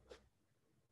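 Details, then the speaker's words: Fixed split second heart sound with a systolic flow murmur from increased flow across the pulmonary valve, in atrial septal defect. "So as I mentioned before, we have first sound murmur and second sound splitted and fixed."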